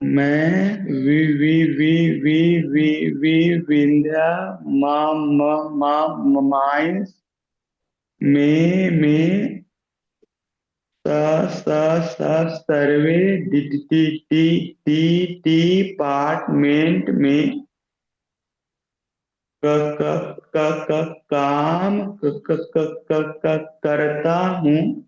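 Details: Man who stammers, in a stammering self-help group, deliberately practising voluntary stammering; part-word repetitions are audible; stuttering (voluntary stammering).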